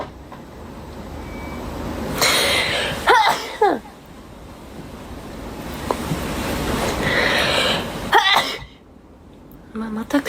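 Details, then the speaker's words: Two sudden breathy sneezes, each with a quick inhaled catch and a sharp explosive exhale, over room noise; allergic sneezing, which the sneezer suspects comes from pollen on a cardboard box. "またくしゃみがやばいよ。"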